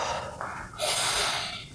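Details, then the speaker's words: 25-year-old patient during a respiratory examination, chest expansion check on the back: full breath out, then deep breath in, repeated; symmetrical expansion. Normal deep breathing. "okay so now if you can do the same as before take a full breath out and then deep breath in for me that's fine and the same"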